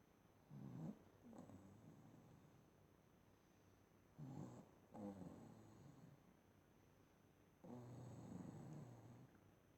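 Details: Adult woman snoring while asleep on the couch, two-minute audio: low, rough, growling snores with each breath, about 17 a minute, over steady room noise.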